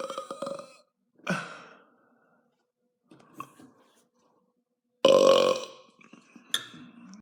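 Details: Several loud, throaty belches separated by pauses, with small grunting sounds between them; repeated burping.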